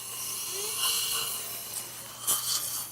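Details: Dental implant drill, high-pitched steady whine with suction and room noise, during live implant surgery.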